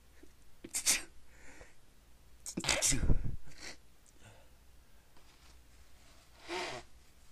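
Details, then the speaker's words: Three partly stifled sneezes in a row with short pauses, the sneezer saying they can't stop; quiet room. "Oh man, I can't stop. Sneeze."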